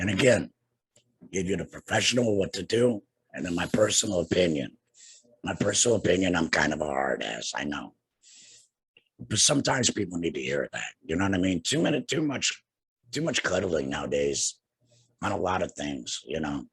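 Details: Adult man two years after total laryngectomy for cancer treated with radiation and chemotherapy; no larynx, breathes through a neck stoma, speaks via tracheoesophageal puncture (TEP) voice prosthesis with HME; tracheoesophageal speech after total laryngectomy.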